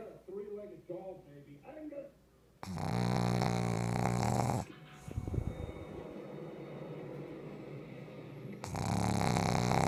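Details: Female pug snoring in her sleep: loud, rumbling, snorting snores with fast rattling vibration through each breath, over background noise and some voices.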